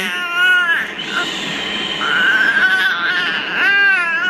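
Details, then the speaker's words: 4-month-old boy crying during modified cry-it-out sleep training, still crying after a 5-minute interval: loud, rhythmic crying with long wails and brief breaths between; upset infant crying. "All right, so it's 12:16. He is still crying, so it is time to go back up there."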